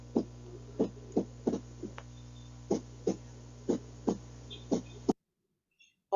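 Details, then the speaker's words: Demonstration of an irregular heart rhythm, contrasted with a normal rhythmic beat: heartbeats at about 60 a minute with uneven spacing and early extra beats breaking the rhythm, over a low hum; irregular heartbeat with extra beats. "dice ahí no tiene ritmo no es seguido no es continuo sino que hay como se dice un latido extra y ahí es donde viene el problema"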